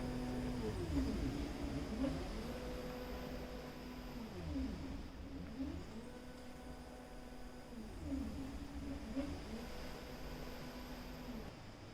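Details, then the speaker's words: 3D-printed prototype ventilator, not used on humans, driven by a NEMA 17 stepper motor from an Arduino with a 24 V supply. Stepper whines rise and fall in steady cycles as the bellows drive breaths into a test lung. "that's how it works and here's a shot of the system running under motor power the very first attempt to do this immediately blew out the motor controller i bought"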